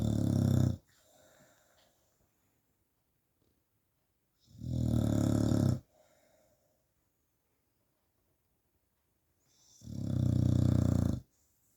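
Three loud, long rattling snores about five seconds apart, with quiet pauses between; a dog snoring.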